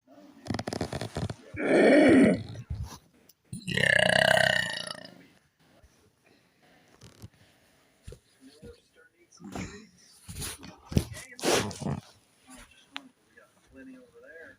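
Two long, loud, deliberate burps, then quieter short sounds and faint talk; voluntary belching.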